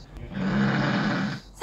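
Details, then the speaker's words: Husband snoring during sleep, recorded the previous night while using a milk pillow that did not stop his snoring; one loud, rough inhaled snore lasting about a second. "결정적으로 이 베개를 베고 잠에도 불구하고 저희 남편의 코골이는 계속 데워졌답니다. 어제 녹음한 건데 한번 들어보실까요?"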